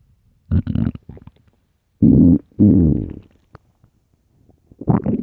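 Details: Early-morning stomach growling: gurgling, bubbling rumbles in several short bursts with quiet gaps.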